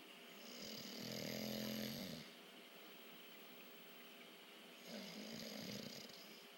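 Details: Person snoring during sleep: two long, harsh, rattling breaths with a low buzzing tone and quieter breathing between.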